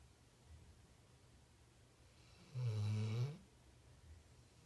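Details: Snoring in a sleeping female ("little girl"): one low, rumbling snore about a second long in a quiet room.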